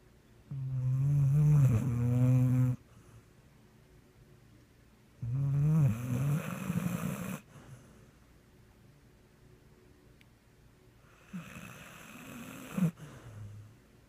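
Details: Sleeping pit bull snoring in the evening while dreaming and twitching: loud rumbling snores on each breath in, about every 5 seconds (roughly 12 a minute), with softer breaths out.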